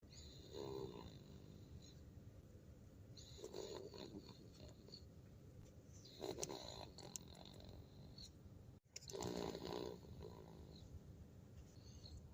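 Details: Baby snoring: soft, rattly snoring noises about every three seconds, roughly 20 a minute, in a quiet room.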